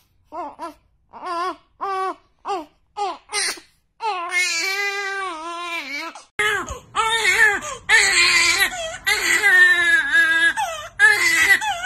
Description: Mix many newborn cute babies crying moments.